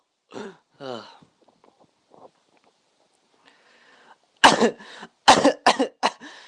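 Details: A child coughing: two soft coughs, a pause with faint breathing, then a run of four or five louder coughs.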